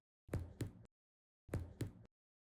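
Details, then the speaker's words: Resonant percussion note (normal clear lung sound) over the chest wall: the right middle fingertip taps the terminal phalanx of the left middle finger. The note has greater amplitude and lower pitch. "la percusión produce una nota resonante o sonido claro pulmonar de mayor amplitud y de tono más grave"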